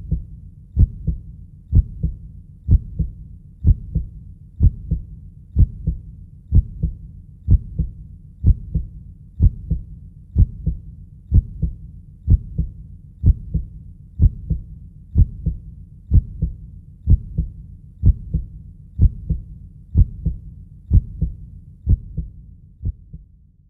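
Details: Steady, regular heartbeat at about 62 beats a minute, each beat a soft paired thump.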